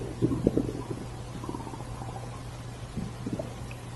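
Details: Stomach growling: low gurgling rumbles over a steady background hum; ordinary borborygmi.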